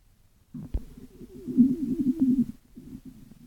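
A gurgling, bubbling growl of a few seconds from the belly. Ordinary stomach rumbling.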